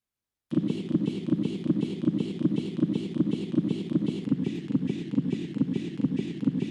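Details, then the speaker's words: Doppler fetal heart sounds during labor, rapid regular whooshing beats about 155 a minute, illustrating early deceleration from compression with contractions via vagal stimulation, a reassuring pattern, not fetal distress. "This compression causes stimulation of the vagus nerve, which temporarily reduces fetal heart rate. Early decelerations are not considered to be a sign of fetal distress, and as such are consistent with a reassuring fetal heart rate pattern."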